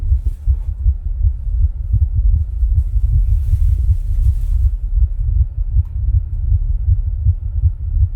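Low, muffled heart thumps repeat quickly under a steady low rumble, with no clear murmur.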